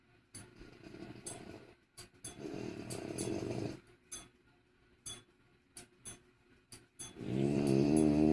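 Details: Sleeping French Bulldog snoring loudly: rattling snores with snorting breaths in between, typical of noisy breathing through a narrowed upper airway in a flat-faced dog.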